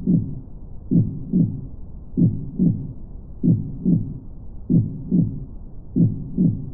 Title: HEARTBEAT